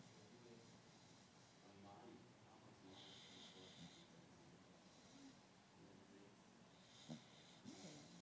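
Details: Beagle snoring while asleep: soft, wheezy snuffling snores with a few small snorts, quiet against room noise.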